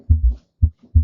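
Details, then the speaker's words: Heart sounds with an extra soft sound in early ventricular diastole right after S2, a lub-dub-da "Kentucky" cadence: S3 ventricular gallop, in a cardiac assessment lecture. "So, the S3 sound comes after S2. It's heard in early ventricular diastole, which means you hear it right after S2."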